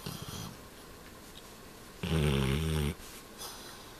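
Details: Sleeping black Labrador: quiet breathing, then one loud buzzing snore lasting about a second. Dog snoring.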